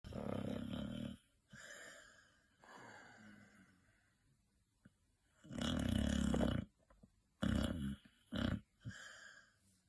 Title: Chubster Dog, sleeping with her eyes open, and snoring like a pig, like the lovely weirdo she is